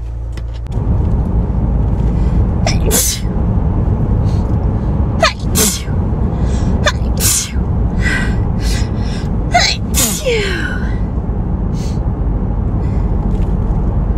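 Four forceful sneezes in a row, each with a sharp in-breath before it, over steady low rumbling background noise; hay fever sneezing.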